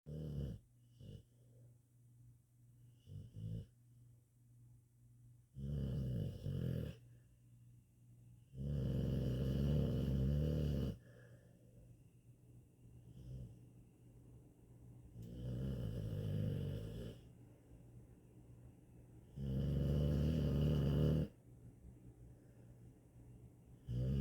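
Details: Loud, low, rumbling snores from a sleeping male dog, with rattling bursts every few seconds between quieter breaths: snoring.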